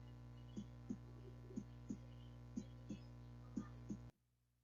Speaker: A ver, vamos a escuchar primero un latido normal, ¿ya?